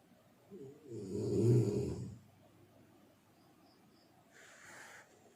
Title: Bunyi dengkur yang membantumu tahajud (snoring sound)